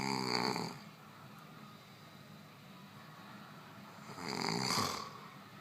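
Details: Two rattling snores with a quiet pause between, heard against low room hum; snoring during sleep.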